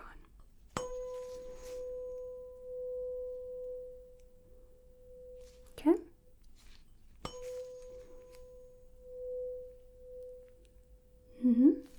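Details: A 512 Hz tuning fork is struck twice for a hearing test in a simulated ASMR physical-exam roleplay. Each strike rings a steady, pure, high tone that slowly fades.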